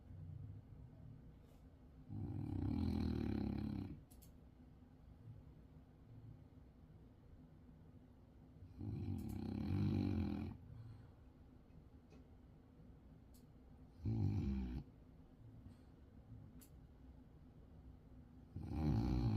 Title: Frenchie Snoring... But It Keeps Getting Louder